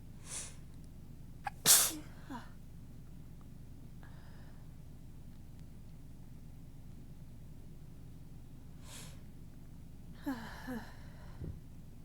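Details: Person gives several soft, breathy, tickly sneezes with brief inhaled catches and one sharper burst while talking.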